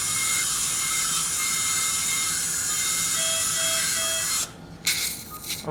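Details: Steady high-pitched drill whirring with faint beeping, then a sudden stop, drilling residual exostosis in the inferior anterior ear canal wall during transcanal revision tympanoplasty for severe lateralized tympanic membrane after previous surgeries.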